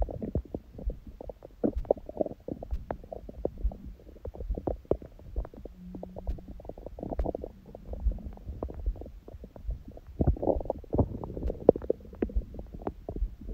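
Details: Own abdomen on a raw-food diet, recorded after the day's first big meal at 16:00, following fasting since 19:00 the day before, and after ab exercises; a strong heartbeat is audible at first; frequent gurgles, clicks and rumbling squeaks; active normal bowel sounds.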